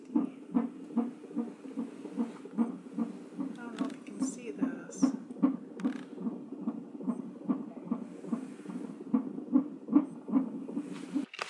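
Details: Fetal heartbeat on Doppler monitor during a 20-minute non-stress test at 34 weeks pregnant: rapid, regular whooshing about 145 a minute, with bumps and scratches from fetal movement; the fetus reportedly had hiccups.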